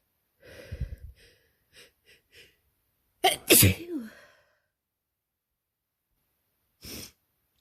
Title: Spring's here - real time allergy sneezing fit